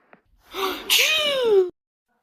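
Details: Cartoon voice draws a breath, then a loud, high, drawn-out sneeze sound; acted, not real sneezing.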